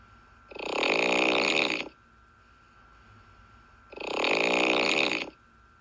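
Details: Snoring sounds of a sleeper.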